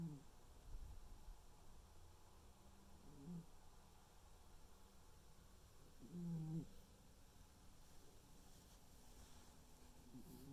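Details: Tuxedo cat snoring while asleep: soft, low rumbling snores with a few louder nasal snorts every few seconds against a quiet room.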